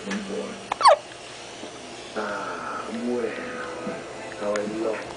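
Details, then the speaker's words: 45-day-old baby boy hiccuping while falling asleep: a single quick, sharp infant hiccup followed by soft babyish vocal sounds; hiccups. "i know you can't see zion but he's having yeah that's him having hiccups and he's falling asleep and actually he's asleep wake up"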